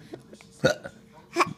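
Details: Hiccups: two abrupt, sharp catches of breath with a brief voiced squeak, under a second apart.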